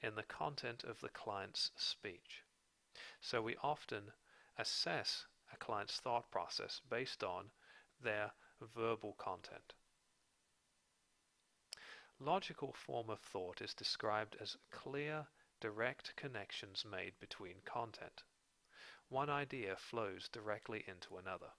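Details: Adult male narrator; normal adult speech.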